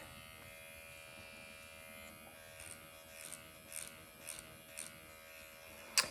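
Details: Automated MD Needle Pen microneedling self-treatment of the face at 1.5 mm depth after numbing cream: steady high electric buzz in a quiet room; erythema developing, almost painless.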